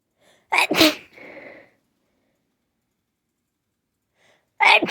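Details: Two sharp sneezes, each preceded by a quick in-breath, in a quiet room; sneezing.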